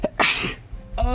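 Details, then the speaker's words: A single forceful sneeze from an adult after a short intake of breath, with a fading exhale; the person says the sneeze really hurt. "yeah it did actually hurt that sneeze actually really did hurt oh my God yeah I felt that one in my soul a little bit"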